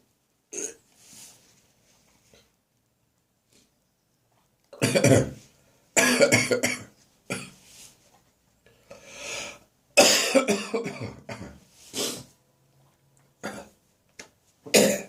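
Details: Adult's morning cough in a bathroom, now drier and less frequent: scattered dry, harsh coughs with throaty retching sounds between bursts, a dry cough provoking gagging.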